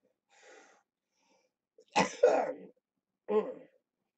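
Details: Productive cough in an adult man with cystic fibrosis and haemoptysis, during lower lobe chest therapy, with a lot coming up and rattling in the chest.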